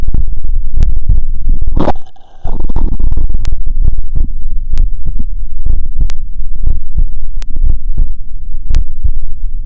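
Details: Heart auscultation with a wired electronic stethoscope (3.5 mm jack), valve areas aortic, pulmonic, mitral, tricuspid: low, muffled thumps with rubbing noise and a brief repositioning gap; normal heart sounds.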